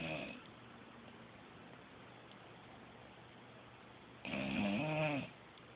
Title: Snoring